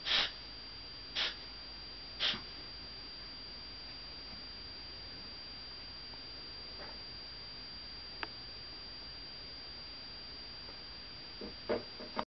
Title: Cough 2